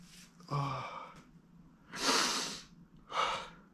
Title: Desperately powerful pollen sneezes (M)